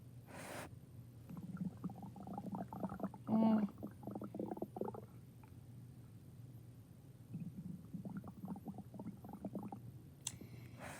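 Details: Stomach growling (borborygmi): gurgling, bubbling bursts in two clusters, with quiet room noise between.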